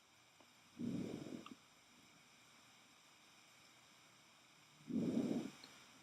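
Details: Vesicular breath sound on auscultation, in a veterinary clinical examination context.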